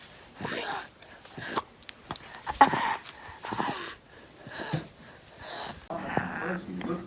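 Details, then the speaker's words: Real footage of a child with croup in respiratory distress, working hard to breathe and using the small muscles between the ribs, neck and abdomen (retractions); stridor is described as a warning sign. "ko te tamaiti e whakapau kaha ana ki te manawa ka hiahia ia ki te whakamahi i nga uaua iti i waenga i nga rara, i te kaki , i te puku, i te puku ranei hei awhina i a ia ki te manawa."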